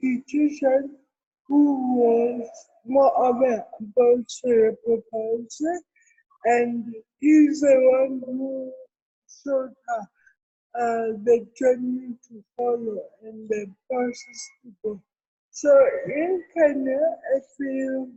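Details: Adult woman with cerebral palsy, with dysarthria.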